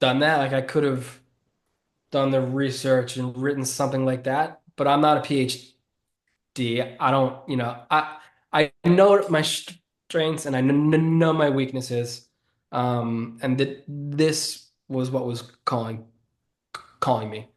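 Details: Adult man who has stuttered since childhood and was bullied for it as a child; stuttering.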